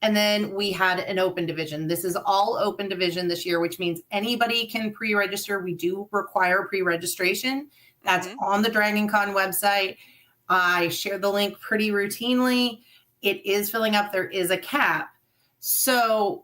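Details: Adult woman speaking; typical speech.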